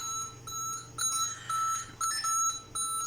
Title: How to calibrate Siemens Servo 300 Mechanical Ventilator Tidal Volume Out of Range..